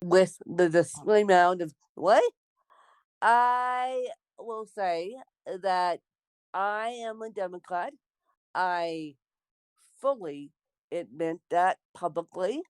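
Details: Dysarthria in an adult woman born with cerebral palsy.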